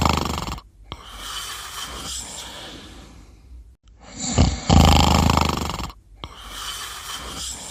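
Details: Loud, rough, rattling breaths during sleep with brief pauses and a snort-like burst; snoring.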